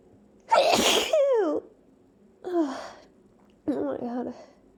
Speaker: oh it's almost like these sneezes aren't helping because i still feel like i have to see oh my god well i still have to sneeze